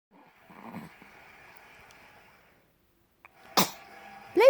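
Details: Sneeze.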